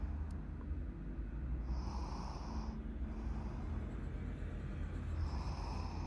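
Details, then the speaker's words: Older brother sleeping restlessly and sprawled out, snoring: low rumbling snores during sleep, partly buried in steady room noise. "Abang juga ngorok nih gak ngorok nih udah guys ya Dadah Abang mau bobo dulu"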